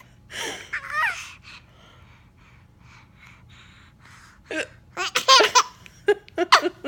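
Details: An infant gives short, abrupt voiced catches mixed with bursts of laughter after a quiet stretch: recurrent hiccups.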